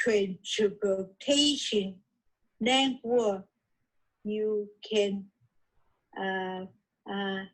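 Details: Aphasia in an adult woman originally from Taiwan, reading her own recorded podcast during an intensive reading and writing aphasia therapy program.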